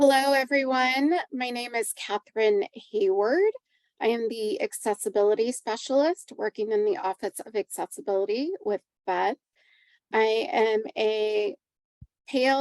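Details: Adult woman speaking; Normal speech.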